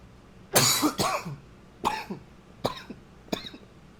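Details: Coughing recorded with a new high-fidelity microphone: a cluster of about four harsh coughs, the first a loud double burst, followed by quieter ones.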